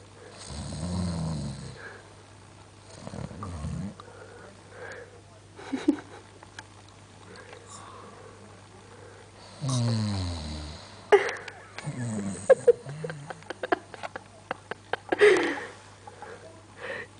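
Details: Irregular deep, rattling snores with gaps, plus clicks and rustling room noise, from a sleeping man whose eyes stay wide open: snoring.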